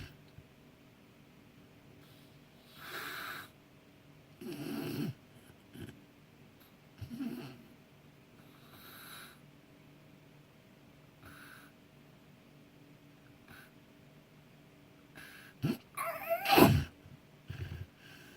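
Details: Sleeping friend recorded with consent: irregular snoring with varied rattling snorts and a loud gasping snort near the end, separated by quiet pauses; unusually heavy snoring.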